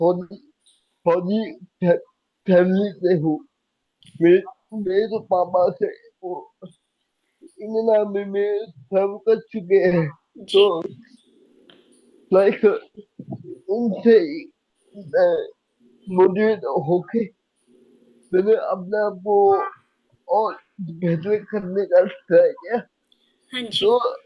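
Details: Young adult man with cerebral palsy since age 2, unable to speak as a child, still needing double effort and unable to speak clearly; slow speech with repeated words; dysarthria from cerebral palsy.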